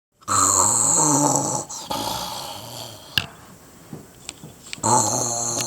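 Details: Person imitating Santa's snoring in a living room: loud, rough, rattling snores on two long breaths with a quieter stretch between.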